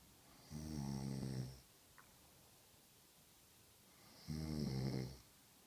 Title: And she says I snore OMG LISTEN TO THIS